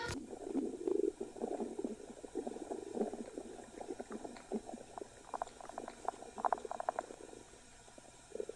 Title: Pochi science stomach growl